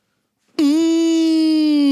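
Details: Acted imitation by a man of his grandmother's sudden vocal tic, a prolonged hum; he believes she had undiagnosed Tourette syndrome: vocal tic (prolonged hum), imitated.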